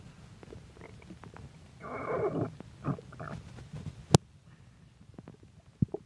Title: Stomach Growling